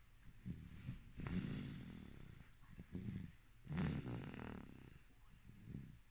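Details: Baby snoring during sleep, recorded as ASMR.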